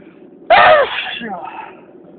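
One sharp, explosive sneeze fading into a breathy tail, an allergic sneeze.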